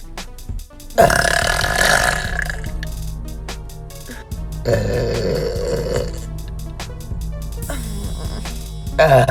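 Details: Woman burping voluntarily in her car: three long, loud, rumbling belches, the middle one strongest, with background music; she says some burps end unsatisfyingly.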